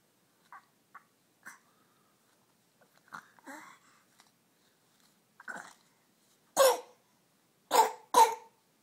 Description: Coughing baby